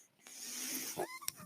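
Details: Steady airy hiss followed by a short tone and a click as the speaker's own mechanical ventilator delivers a breath while he talks on a podcast; mechanical ventilator breathing sounds.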